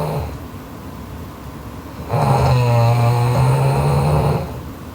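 A loud, low, droning snore lasting about two seconds on the breath in, after a quieter breath: heavy snoring.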